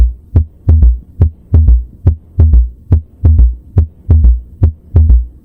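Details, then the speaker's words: S3 gallop heard with the bell at the apex, patient lying on the left side, quiz example: soft low-frequency sound right after S2, a lub-dub-dub, with a regular heartbeat near 71 per minute. "You hear a soft low frequency sound right after S2. It's a gentle lub dubdub, like a third footstep."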